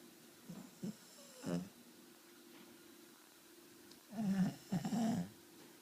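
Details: Snoring during sleep: soft snorting breaths, then two louder rumbling, fluttery snores over steady room hum.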